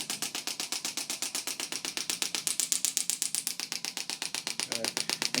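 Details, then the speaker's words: Steady, sharp mechanical clicking pulses, about four per second, from a Chattanooga radial shockwave device moved in small circles during a jiu-jitsu athlete's treatment for hip flexor pain. "Again, I'm going to make small circles here. I use a Chattanooga shockwave machine."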